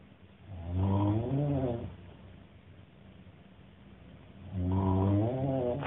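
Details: Man's snoring, recorded by a hostel-mate after his improv show: two slow, drawn-out throaty breaths with a purring, rattling tone about six seconds apart; snoring.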